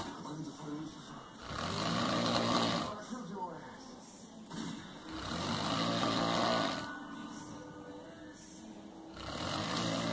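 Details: Loud, harsh, rattling snores on breathing in, about every four seconds, roughly 15 a minute; heavy snoring.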